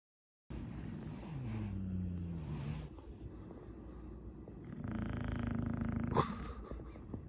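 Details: Two long, rumbling, vibrating snores ending in a snort from a sleeping Chow Chow dog: snoring.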